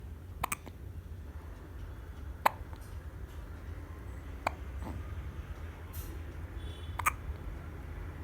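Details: Newborn baby: faint, sharp little clicks roughly every two to two and a half seconds over a steady low hum; hiccups.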